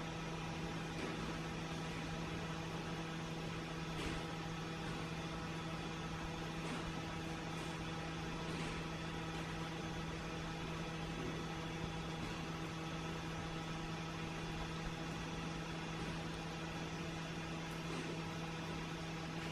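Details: Persian cat receiving a gentle facial from a running nebulizer: steady low mechanical hum with an even buzzing tone, a compressor nebulizer running.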